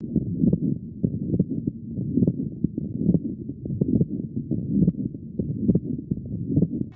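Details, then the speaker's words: Pericardial friction rub in pericarditis associated with kidney disease: scratchy, grating sounds with each heartbeat at about 69 a minute, heard by stethoscope. "The heart keeps beating and rubbing against this inflamed tissue, which causes quite a lot of pain. And when I listen with my stethoscope, I can hear a scratchy sound like this."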